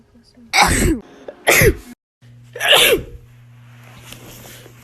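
Three loud, abrupt sneezes in quick succession with brief quiet between them; repeated sneezing.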